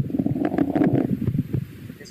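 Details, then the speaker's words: Normal bowel sounds auscultated over the abdomen in physical examination teaching: low, irregular gurgling and rumbling through a stethoscope from normal small- and large-intestine peristalsis. "Esos son los movimientos peristálticos normales que hacen nuestros intestinos, tanto delgado como grueso."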